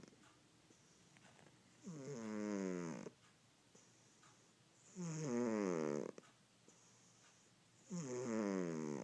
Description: Turn up your volume, there is a Fat Cat snoring on my lap. Mayo snores quite loudly.